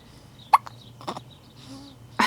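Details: Hiccups in a 5-week-old baby, who also sneezes: short, sharp hiccup-like catches of breath in a quiet room, with faint background noise.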